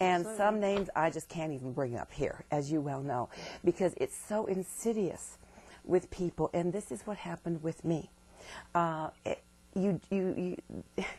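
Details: Woman diagnosed with multiple sclerosis in 1988 in her 20s, who reports complete recovery, with word repetitions; stuttering.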